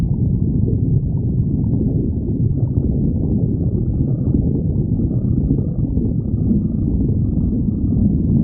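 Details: Stomach growling (borborygmi): continuous deep, low rumbling and gurgling.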